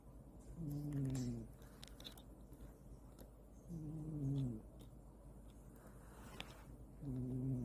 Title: Cat snoring 코고는 고양이 매일매일 장난아니냥! #snoring #귀여운고양이 #cutecat #shorts #cat #고양이